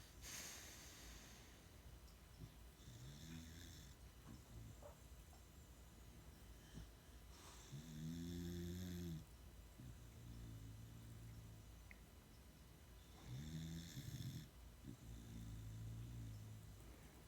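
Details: Two dogs during an afternoon nap; repeated low, droning snores with softer snorts between them over steady room hiss; relaxed snoring of sleeping dogs.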